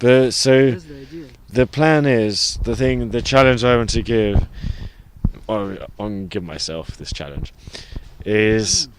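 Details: Adult person who stutters, with blocks, reporting bad speech days over the last few months; stuttering.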